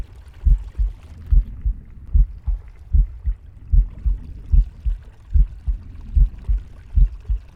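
Regular low double thumps at about 74 a minute, with soft breathing and gurgling gut noise; a normal heartbeat.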